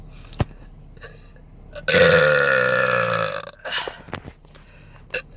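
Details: Woman burping naturally in a Jeep while eating chips and drinking diet Sprite: one long, loud open-mouth burp lasting about a second and a half, with softer mouth and swallowing sounds around it.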